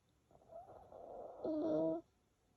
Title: Snoring Dog ( Mimi) 😄